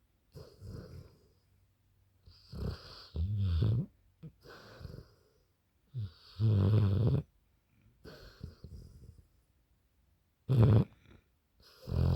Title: LOUD & LARGE snoring Dog!😂😭🤣😂